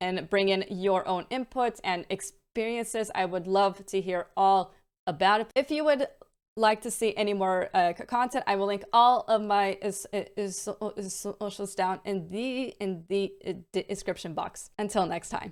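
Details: Adult woman with a self-reported stammer (stuttering) involving repetitions, prolongations and blocks; it varies day to day and worsens with stress and mental state.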